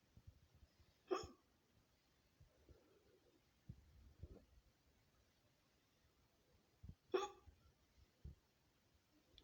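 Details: A woman's own hiccups, edited into a no-talking ASMR compilation: two sharp, abrupt voiced hiccups several seconds apart, with soft breaths and small clicks between; typical hiccups.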